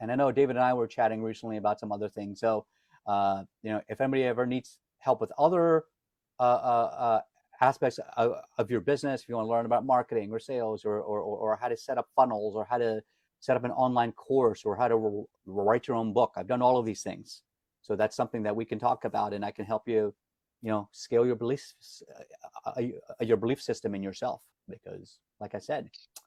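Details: Adult man who calls himself a stutterer and says singing lets him hide his stuttering; some word repetitions audible; stuttering.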